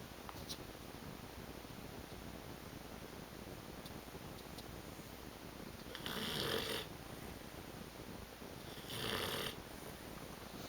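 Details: Two rasping snores about three seconds apart over steady room hiss from a sleeping female; ordinary snoring.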